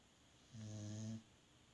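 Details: Dog sleeping: a single low, buzzing snore under a second in a quiet room; ordinary dog snoring.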